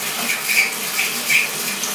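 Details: Ear irrigation of a male patient's cerumen-impacted right ear with a Welch Allyn irrigator: a steady hiss of the spraying water stream washing out deep wax. Removal was incomplete because the patient asked to stop; the eardrum became visible.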